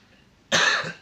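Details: A single harsh, rather wet-sounding cough from a young child (Clarissa's mother says she is sick with fever, cough and shortness of breath); cough.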